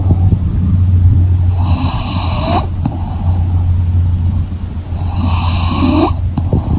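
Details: Sleeping English Bulldog, fast asleep: two wheezy, whistling snoring breaths over a steady low hum of room noise; snoring.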